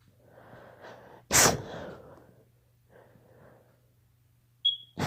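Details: Child (daughter) allergy sneezing: quick breaths in, then one sharp explosive sneeze, a second sneeze starting at the end.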